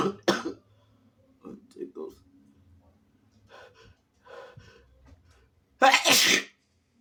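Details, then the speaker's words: Sick person with a sensitive nose who does not usually sneeze naturally, inducing sneezes: a sharp sneeze, short sniffs and breathy build-up, then a second loud, wet, explosive sneeze. "I'm sick, but I don't used to sneeze naturally, so I have to induce."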